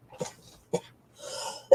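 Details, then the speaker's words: Ill adult with a congested, tickly cough says it catches in the throat when unable to breathe: three short, sharp coughs separated by a breathy, hissing inhalation. "sorry there might be a lot of that it just captures in my throat when I can't breathe sorry"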